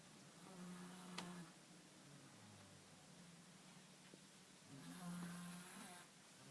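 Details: Snoring heard at night that woke the listener as an unfamiliar sound: low, rumbling, buzzing nasal snores on each breath in, in a quiet room; ordinary snoring.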